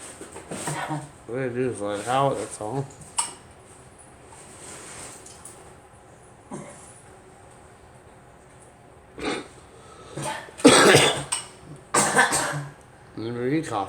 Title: Girl coughing